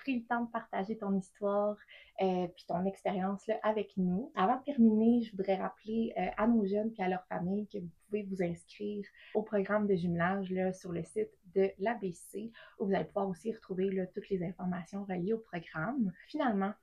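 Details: Adult woman speaking French; typical speech.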